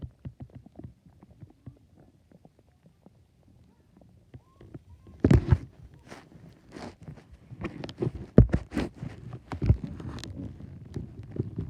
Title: My stomach growling again